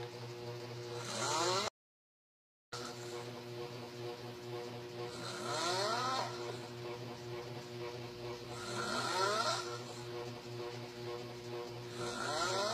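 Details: Sleeping Filipino adult snoring with open mouth and eyes: irregular snores, some whistling and rising in pitch, over steady background hum.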